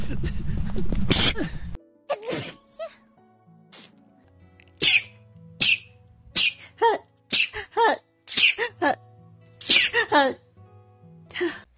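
Series of about ten quick, high sneezes in a row, some with voiced squeaks, after a burst of noise; faint background music.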